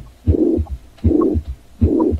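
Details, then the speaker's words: 13-year-old Pomeranian dog with a heart murmur: loud whooshing replaces the first heart sound each beat, about 80 a minute, a classic "washing machine" whoosh-dub murmur, played after a recording of his normal heartbeat from years earlier. "fast forward to what Buddy's heart sounds like right now you're going to be hearing a classic what we would say is a washing machine sound heartbeat okay"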